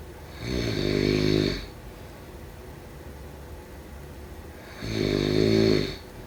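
Two loud, buzzing snores on inhaling, about four seconds apart, with quiet breathing between them.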